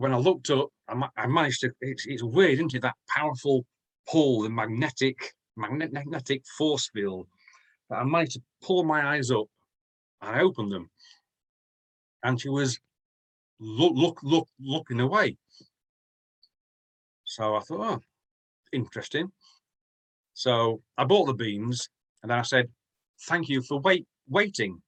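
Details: Adult man from the UK who stammers, more severely in the past and still at times, with blocks, repetitions and eyes closing or looking down; word repetitions heard; stuttering (stammering).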